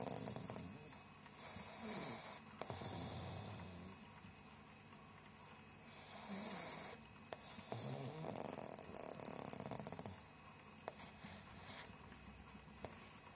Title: Pug snores when petted!